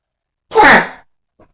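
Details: Loud cough: a single loud, forceful cough with an abrupt start, a strong voiced tone and a quick fade.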